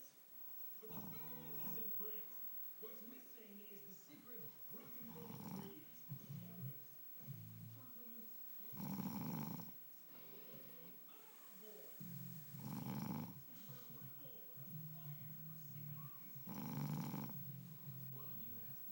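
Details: Sleeping husband gives low, rumbling snores about every four seconds over faint background noise. Snoring.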